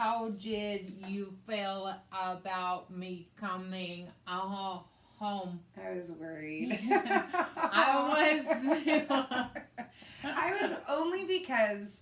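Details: Post-stroke aphasia in a woman after a hemorrhagic stroke on May 19, 2020, with right-sided hemiparesis, brain surgery and an ICU stay; the aphasia also affects her reading and writing. She speaks in conversation. Finding: aphasia.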